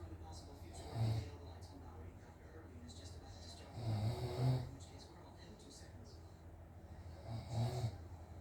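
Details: Father snoring while asleep, filmed by family because he doubted he snores: deep, rough snores on the in-breath a few seconds apart, roughly 18 breaths a minute, with faint room noise; snoring.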